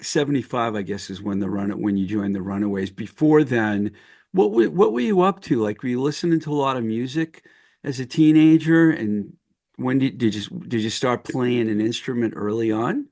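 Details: Adult male speaker; normal speech.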